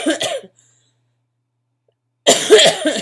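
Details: Cough from a person with chronic illnesses sick with bronchitis over Thanksgiving, with asthma complications and taking prednisone; voice affected, eyes barely open, body aching; cough.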